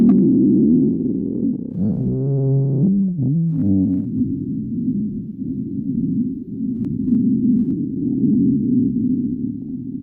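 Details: Stomach growling (borborygmi).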